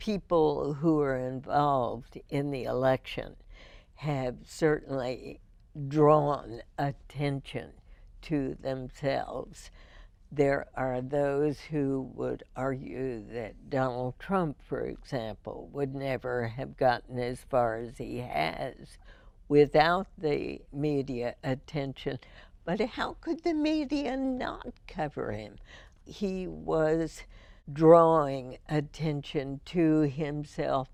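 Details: Adult female with spasmodic dysphonia diagnosed in 1998, treated every four months with botulinum toxin injections into the vocal cords; voice described as imperfect; spasmodic dysphonia.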